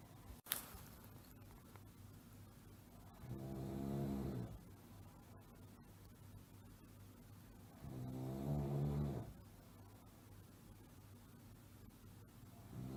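Two slow, low rumbling snores about five seconds apart over quiet room hiss.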